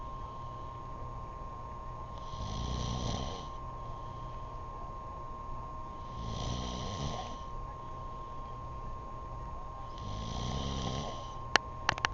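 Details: Three loud snores about four seconds apart, roughly 15 breaths a minute, from a man sleeping, over a steady hum of room noise; loud snoring in sleep.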